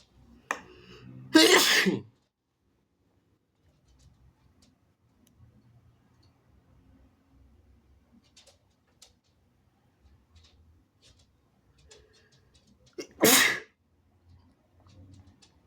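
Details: Male (he/they) sneezing after a tickling sensation: two loud, wet sneezes far apart, with faint sniffing and nose-blowing between them in a quiet room.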